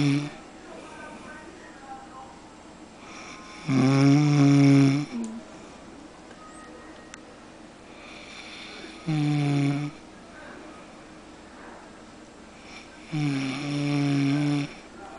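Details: Person snoring while asleep: three loud, rattling, buzzy snores on the in-breaths, about 5 seconds apart, with quiet breathing between them.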